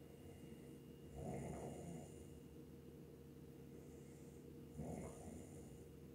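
Two slow, low rumbling breaths about 3.5 seconds apart over a steady hum: snoring during sleep.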